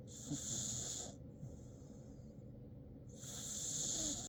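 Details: Snoring in a sleeping dog: two long hissing, whistly breaths with a quieter breath between and a low rumble underneath.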